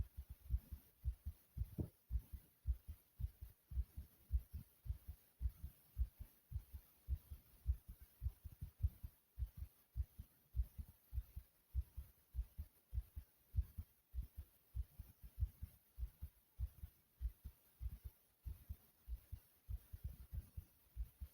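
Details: A person's own fast but regular heartbeat, described as fast yet smooth: rapid, steady, low heart thumps at roughly 105 beats a minute with an even rhythm.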